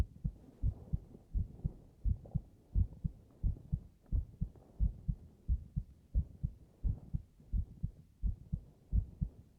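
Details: Steady, regular low double thumps at about 87 beats a minute in a quiet room, a man's heartbeat in a staged binaural voice drama recorded with a 3Dio Free Space Pro II mic, right channel.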